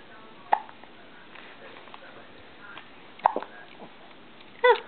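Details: Three brief, abrupt hiccup sounds a few seconds apart over quiet room noise: hiccups.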